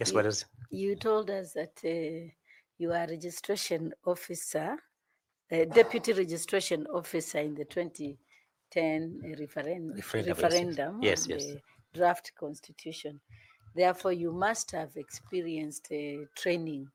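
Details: Adult woman speaking, interview panel; ordinary fluent speech.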